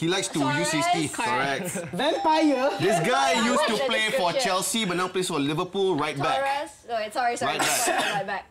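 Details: Adult men talking; ordinary speech.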